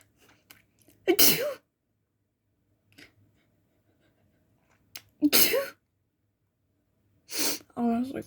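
Three loud, wet sneezes, each preceded by a sharp inhalation, with quiet pauses between them.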